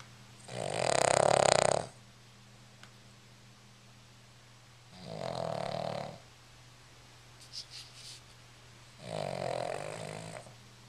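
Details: Tired little dog asleep, with three loud rattling snores about four seconds apart (roughly 15 breaths a minute) and quiet pauses between; ordinary snoring.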